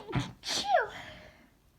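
A single sneeze: sharp inward catch, then an explosive burst with a short voiced tail, in a quiet room.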